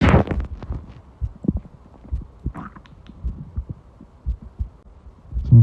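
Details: Irregular low gurgles and rumbling pops from the belly; ordinary stomach growling (borborygmi).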